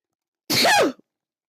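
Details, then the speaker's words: Single loud adult male sneeze during a livestream: a sudden half-second burst with a voiced, rising-falling cry and a quick cut-off. "You guys can hear that right when I sneeze. I think that comes off on the audio. Oh, those are some big ones, too."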